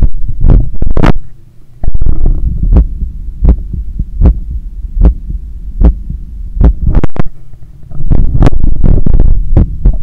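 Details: Heart sounds heard through a stethoscope right after a 10km run, lying on a daybed and leaning on the left side, while trying to control breathing. Loud, deep thumps with a heavy low rumble, about 80 a minute; normal heart sounds after exercise.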